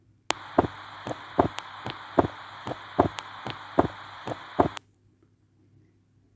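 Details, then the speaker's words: Atrial septal defect: wide fixed splitting of the second heart sound, an important extra feature, regular heart sounds about 75 a minute; teaching recording. "The sound that you just heard is the wide fixed splitting of second heart sound which is an important extra feature of atrial septile defect."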